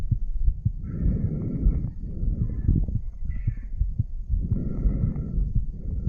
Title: Heartbeat Recording of a 34 Year Old Male. Aortic Valve Area.